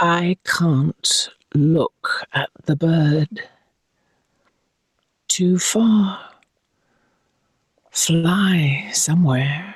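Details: Aphasia after a stroke about six years earlier, in a male stroke survivor; aphasia.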